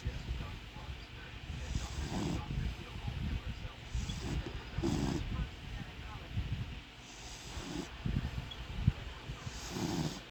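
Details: Sleeping pet snoring: low rumbling irregular breathing noises with snorting bursts.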